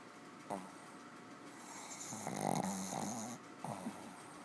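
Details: Dog in deep sleep, hard to wake, snoring heavily with uneven, rattling breaths and snorty bursts; snoring.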